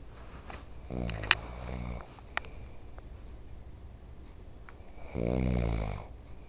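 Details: Two low, rattling snores about four seconds apart from a father who denies snoring, with sharp clicks and room noise between; ordinary snoring.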